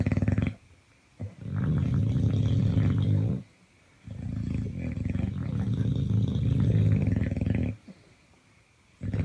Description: This video is about Snoring